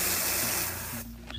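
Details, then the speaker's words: A one-second hiss of cold spray, used as the only anesthetic with no lidocaine, before a quick incision to drain an infected paronychia on the side of the nail, which is not an ingrown nail. "we're not going to use any lidocaine or anesthetic except for our cold spray we're going to make a quick incision"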